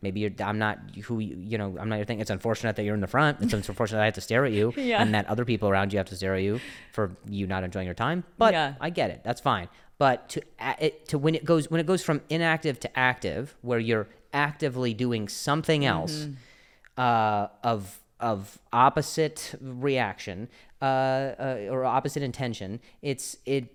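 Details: Adult male comedian with a stutter who also mentions a past injury; real, unscripted speech with word and phrase repetitions; stuttering.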